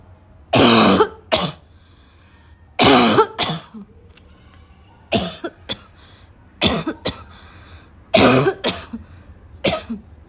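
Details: Afternoon coughing fit in a girl, starting weak and gradually becoming violent: five harsh, loud cough bursts, each with a shorter follow-up cough, about 27 a minute, with quiet noisy breathing between.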